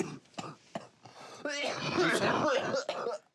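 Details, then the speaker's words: Productive cough from an 18-year-old male with cystic fibrosis during chest physiotherapy with percussion to loosen mucus from his lungs. "OJ requires physiotherapy, again, by doing percussions. It loosens all the gunk from his lung."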